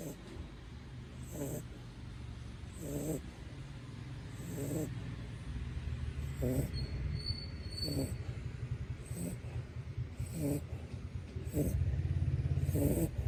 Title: Shih Tzu snoring